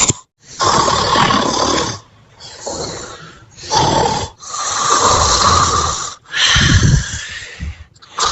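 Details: Cilinda dozing in her pink bed: loud, harsh, noisy breaths in and out, rasping like a snore, repeating in long cycles; snoring.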